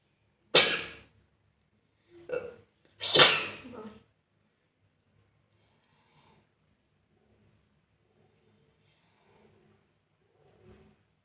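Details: Person doing a deliberate sneezing and nose-blowing challenge; two sharp, explosive sneezes a few seconds apart, the second with a trailing breathy release: sneeze.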